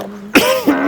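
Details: Cough in an acted TV advertisement for cough lozenges; cough.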